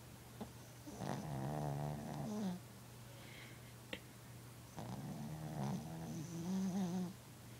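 Two long, rattling, throaty breaths with a fluttering buzz, separated by quiet pauses over a steady low hum: a pet snoring.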